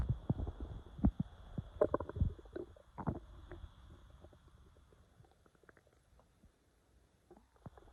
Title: Little bit of stomach growling